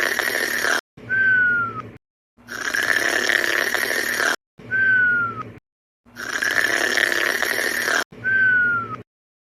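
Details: Sleepy cat yawning and snoring: loud rasping breaths alternate with short whistling tones and brief silences in a repeating pattern; snoring.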